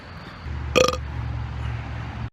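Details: Single loud, resonant belch over low background hum and music-like noise, from someone talking about food and ginger ale during a midnight city-street stroll; burping.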